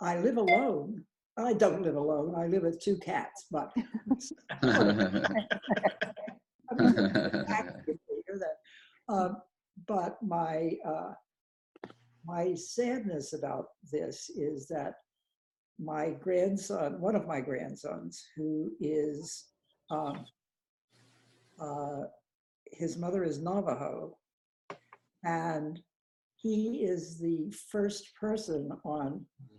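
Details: Real adult member of an aphasia support group, speaking in an online group session; aphasia.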